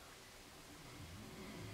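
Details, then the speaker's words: Faint, low, rumbling buzz that builds in the second half over quiet room noise: the husband snoring in the background during a makeup tutorial, a distant snore. "discúlpenme los ruidos chicas trato de que no escuchen y Bueno pues qué se puede hacer está roncando mi esposo"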